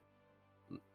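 A single brief, low, grunt-like vocal burst over a steady background hum, consistent with a simple vocal tic.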